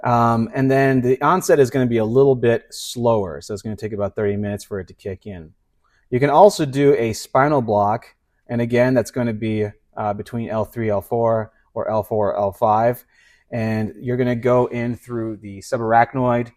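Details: Adult male lecturer; normal speech.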